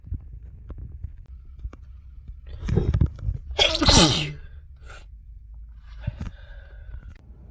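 An indrawn breath builds into one loud, explosive sneeze with a short trailing sound, over outdoor background noise; ordinary sneeze.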